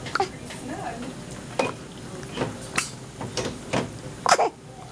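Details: First sneeze caught on film.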